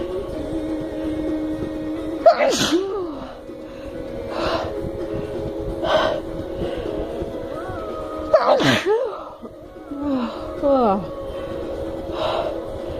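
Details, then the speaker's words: Adult woman inducing sneezes with snuff and a paper towel tickling her nostril: several sharp sneezes, some in quick pairs, with gasps between them over background music. "hey let's see if i can get like a double or a triple out with the paper towel also since my nose is so tickly anyway"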